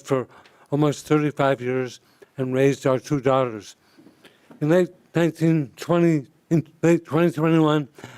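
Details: Adult man speaking; dysarthria (bulbar ALS).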